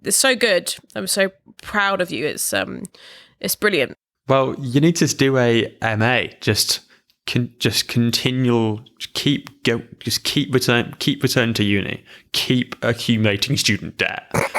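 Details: Adult who stammers, in conversational speech; stammering.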